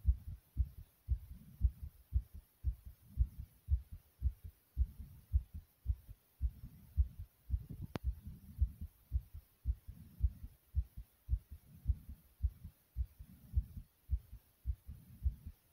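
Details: Heart pounding hard inside the chest: fast, forceful low thumps in a steady rhythm at about 110 a minute, a racing heartbeat.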